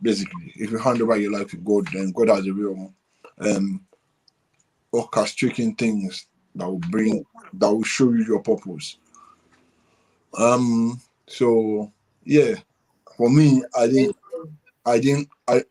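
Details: Adult man with dysarthria from cerebral palsy present since birth, which he attributes to high bilirubin at birth; he describes it as affecting the brain area controlling movement and speech.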